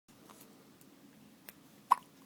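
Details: Two or three short, sharp, gulping hiccups over a quiet room hum, with a faint soft voice between; ordinary hiccups.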